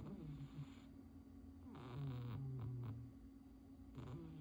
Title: 猫咪波妞真是呼噜大王Ponyo the cat is really the king of snoring